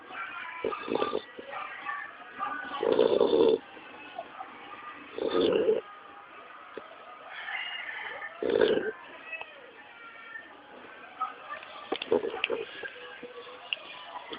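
Rhythmic snoring bursts from a sleeping puppy, about every three seconds (roughly 20 breaths a minute), with faint music in the background.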